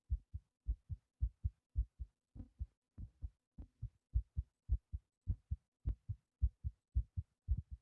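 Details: Fast, regular lub-dub heartbeat at about 107 beats a minute, thumping hard after a long breath-hold.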